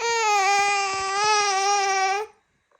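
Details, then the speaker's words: Young child gives a single sustained high-pitched wail that breaks off while having his ears cleaned with a vacuum ear wax remover, protesting rather than hurt; infant cry. "He ain't into the ear portion of being clean, though. Oh, I don't want to make you cry."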